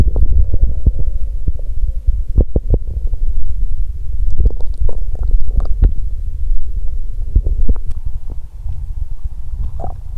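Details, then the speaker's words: Bowel sounds (borborygmi) from an adult woman's abdomen during abdominal pain on menstruation day 2: low rumbling and gurgling with frequent brief pops, typical active bowel sounds. ""こっちもお腹がゴロゴロ鳴っている！"。"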